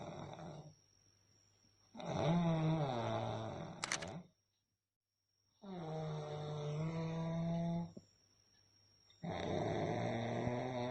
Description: Real sound of a snoring during a deep sleep.